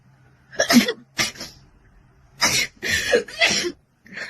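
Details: Young Chinese woman sneezing: several sharp, explosive bursts of air through the nose and mouth, some with a short intake first; a run of sneezes.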